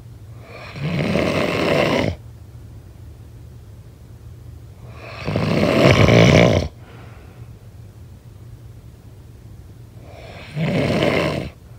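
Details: Snoring sound effect: loud, rough, rattling snores on each in-breath, three in about twelve seconds with quiet pauses between; heavy snoring.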